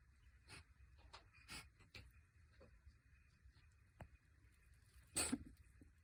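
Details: Cat sneezing attack: a quick run of small, sharp nasal bursts, about five in six seconds, the last loudest; sneezing fit.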